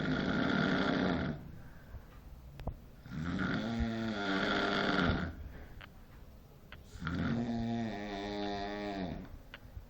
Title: Unbeatable snoring skills. :p